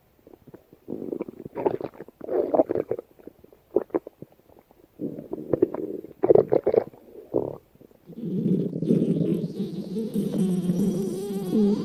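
Bursts of low gurgling and rumbling, ending in a long steady growl: stomach growling, a normal digestive sound.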